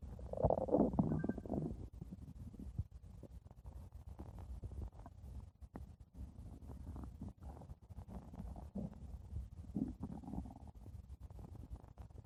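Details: Low gurgling and rumbling from the belly, loudest at the start, then softer irregular bubbling; stomach growling, borborygmi.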